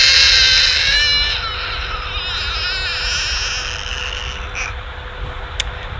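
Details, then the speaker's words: Infant pain cry in the acute phase, during a vaccine injection: a high, harsh, strained cry with a rough, breaking voice and many nonlinear phenomena, fading off over background noise. "is the acute phase so there's a lot of roughness a lot of nonlinear phenomenon in this in this christ"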